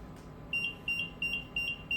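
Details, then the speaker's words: Puritan Bennett 760 ventilator backup alarm during self-test: repeated high-pitched electronic double beeps, about three per second, acknowledged with accept, completing the self-test before ventilation. "hear the backup alarm we accept and we are done with our self-test"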